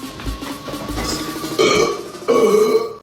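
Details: Man burping during an eating challenge, from a burp compilation: two long, loud, voiced belches over background music.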